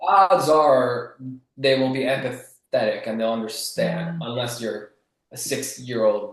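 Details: Adult male author who has stuttered since childhood and was bullied for it; he says the stutter is still audible; stuttering.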